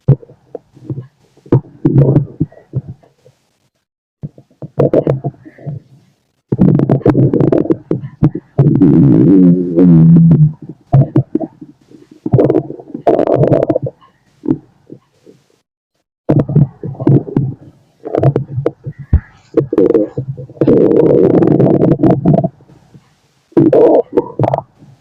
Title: My stomach growling (male) #stomachgrowling #stomach #auscultation #body #tummy #digestion